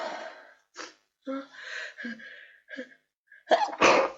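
Catchy breaths and vocal build-up sounds lead into two loud, wet sneezes at the end; sneezing with a head cold.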